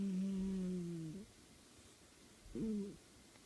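Two low, droning snores with a buzzing, humming quality, separated by a quiet pause of about a second and a half.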